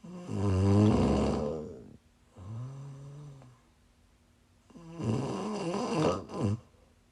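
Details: Loud, rattling snores with a buzzing low tone on the in-breath, then a quieter out-breath and a second snore, recorded during a live stream while the snorer was sick: snoring.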